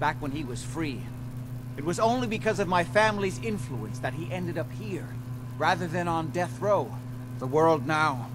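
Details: Adult voice actor, game dialogue; no voice disorder.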